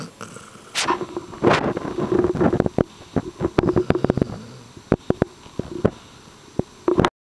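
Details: Sleeping female Basset Hound snoring loudly.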